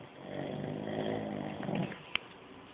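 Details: Old pug sleeping and snoring very loudly: a loud, long, rumbling snore on a breath in, then a short click.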